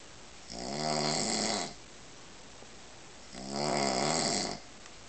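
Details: Adult man snoring: two long, rattling, buzzing inhalations about three seconds apart over a quiet room hum.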